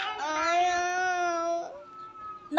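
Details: A baby who refuses to sleep gives one long, wailing cry that trails into a softer whimper in a small room.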